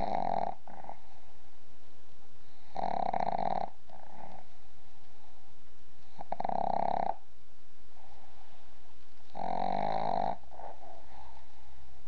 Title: One minute of pug snores.